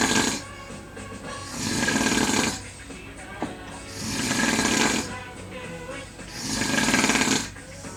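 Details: Person snoring in a hotel: loud, harsh, rasping snores on each breath, about one every 2.5 seconds, with quieter exhales between; heavy snoring.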